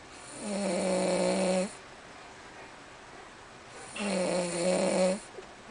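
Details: Snoring: two long, steady, buzzing snores on the in-breath, about three seconds apart, with quiet room noise between them.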